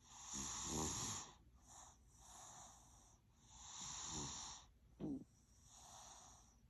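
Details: Three-year-old child snoring in sleep: repeated rough, rattling snores on each breath with a brief snort.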